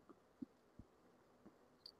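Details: Pericardial friction rub in pericarditis: faint, brief heart sounds with a scratchy quality from roughened, inflamed parietal and visceral pericardial layers rubbing together.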